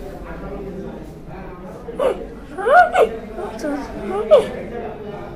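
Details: Vocal tics in a male patient with Tourette syndrome, a neurological developmental disorder, alongside motor tics in different body parts.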